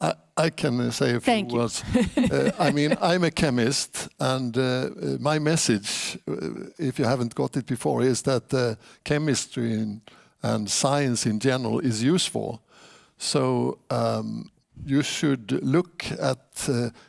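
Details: Adult man; typical speech.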